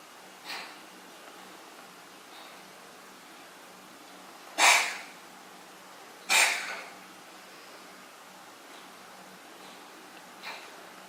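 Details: Cat named Balloon coughing in a quiet room: two sharp, explosive bursts a couple of seconds apart with fainter puffs around them.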